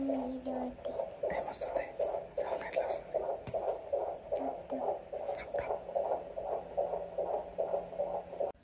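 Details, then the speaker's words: Fetal heartbeat on a heart beat monitor at a pregnancy midwife hospital appointment: rapid, regular whooshing pulses about 150 a minute over a steady hum. "ఇది వచ్చేసి heart beat monitor so నాది baby the heart beat check చేస్తున్నారు"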